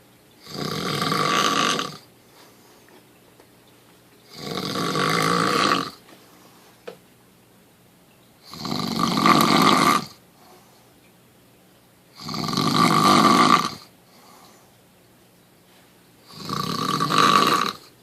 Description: My wife grabbed my Samsung Galaxy S 3 and started to video record me snoozing rather quietly.